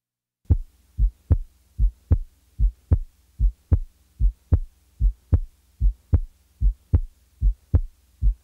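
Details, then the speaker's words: Heart sounds at about 75 per minute, each soft first sound followed by a louder, sharper second sound, giving an impression of going up the musical scale; soft first heart sound. "now listen to a softer first sound followed by a louder second sound"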